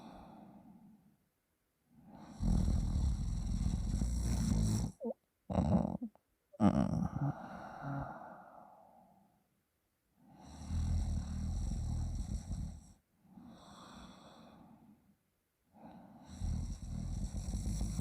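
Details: Sleeping person, snoring normally until a friend manipulates their throat, which is left slightly sore, and slow to wake: loud rattling snores on in-breaths, quieter out-breaths, about four breaths in eighteen seconds.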